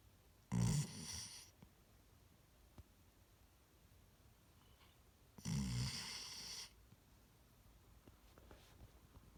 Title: #sleepy #snoring